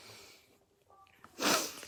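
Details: Sudden loud snort-like burst of breath after a near-silent pause: a simple vocal tic in a person with Tourette syndrome, on a bad day, described as an average mild, not severe, case.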